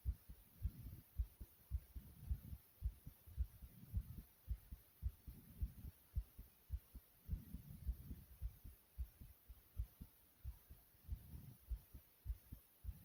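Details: Person's self-induced racing heartbeat with heavy breathing: fast, steady low heart thumps at about 107 a minute with rising and falling breath noise, tachycardia.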